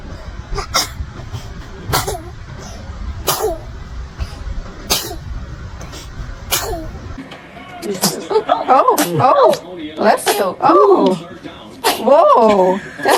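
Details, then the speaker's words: Run of about six tiny, sharp sneezes in quick succession from a newborn baby boy, counted aloud, followed by adult laughter and talk: sneezing. "Three in a row. Four in a row. Five in a row."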